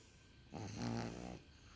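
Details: Pug snoring in sleep: a single loud, rattling snore of about one second, with quiet breathing before and after.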